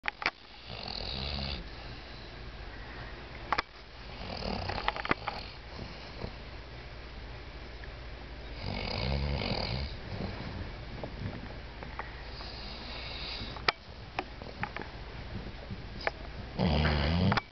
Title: my baby snoring loud as hell